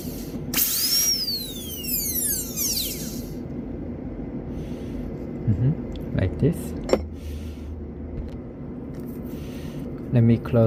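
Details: Bench-test class II disto-occlusal amalgam preparation on a maxillary first premolar: high-speed dental handpiece (bur about 1.6 mm long, 0.6 mm wide) whines up and winds down, then steady hum and short running bursts.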